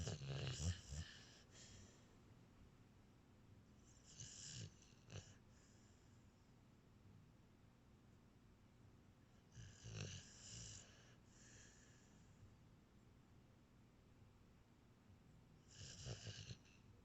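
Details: Rough, fluttering snoring noises on breathing, recurring about every six seconds, roughly 10 breaths a minute, in a quiet room: snoring.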